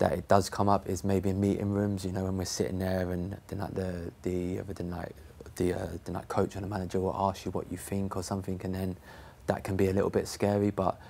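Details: Adult who stammers, a professional footballer, sometimes starting on a word and switching it; stammering.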